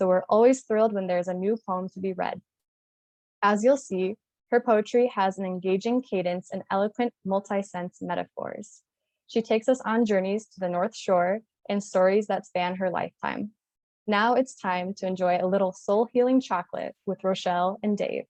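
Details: Adult woman speaking; normal fluent speech.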